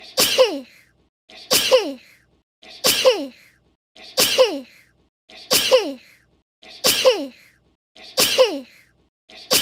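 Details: Seven near-identical sharp sneezes from a woman, about every 1.3 seconds, each with a brief voiced tail; repeated sneezing.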